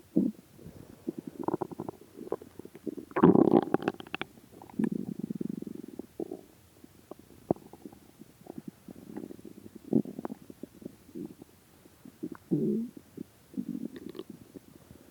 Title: my starving stomach Growling still have not eaten it's been 3 days and 4 hours no food so 76 hours